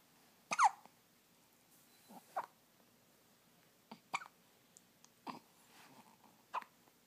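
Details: Newborn hiccups: soft, repeated brief squeaky catches of breath, about five or six in seven seconds.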